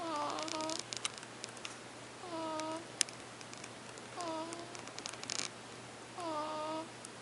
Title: Little bitty tiny baby Bud Bud snoring